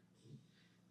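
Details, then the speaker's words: A female dog lying asleep next to the speaker gives a single soft, low rumbling breath that rises and fades in a quiet room; snoring. "I'm going to apologize if you can hear snoring in the background my dog is lying next to me and she apparently is the most comfortable animal in the world and snoring away"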